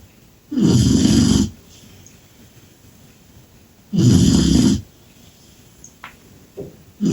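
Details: Sleeping Cane Corso puppy snoring after a day full of excitement: two loud, rough snoring breaths about three seconds apart, sounding like an old man.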